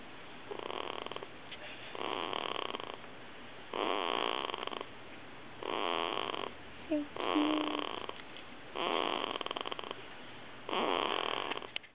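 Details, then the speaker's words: Soft, regular snuffly snores on each breath, about 35 a minute, with a brief squeak midway, from a sleeping 2-week-old baby girl; newborn snoring. "I'm trying to take a video of her snoring. Sorry. So cute. I haven't gotten it yet."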